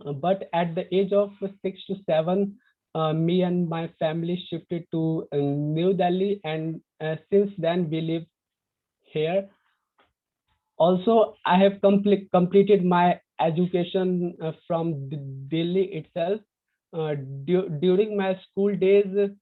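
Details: Real stuttering (stammering) in a young man from India, who describes his own stuttering on a panel of young people who stutter.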